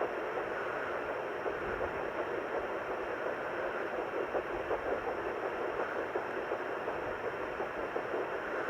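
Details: Fetal heartbeat on Doppler at 8 weeks 4 days of pregnancy: faint rapid pulsing at about 165–170 a minute through heavy Doppler hiss, normal for early pregnancy. The mother is sick, and her breathing is audible.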